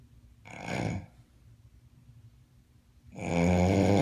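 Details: Roommate's bad snoring during sleep: two loud, rough, rattling inhaled snores separated by a quiet pause; ordinary snoring.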